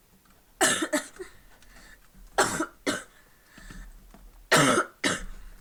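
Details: Two short, harsh coughs in quick succession, then speech resumes; a lingering cough after a viral illness.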